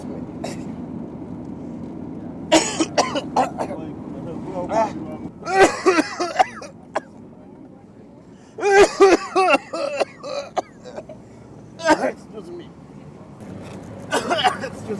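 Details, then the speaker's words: Acted, put-on constant coughing by a passenger in a commuter taxi: repeated harsh coughs and throat clearing amid voices and traffic noise; repeated cough. "it can be quite uncomfortable when you sit next to a passenger who talks too loudly on the phone or who coughs constantly"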